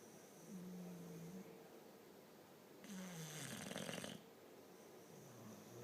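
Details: Two bully-breed dogs snoring on the couch during an afternoon nap: low, rough snoring breaths with a hissing out-breath over quiet room noise.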